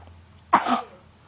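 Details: A single short, harsh cough burst from a young child who has a cough, heard while he is being fed, against quiet room noise; a cough.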